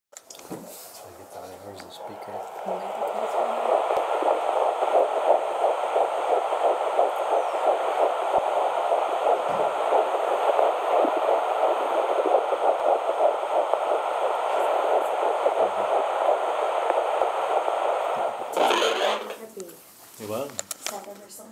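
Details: First fetal heartbeat heard on Doppler: rapid whooshing at roughly 170–180 beats a minute, a normal fetal rate.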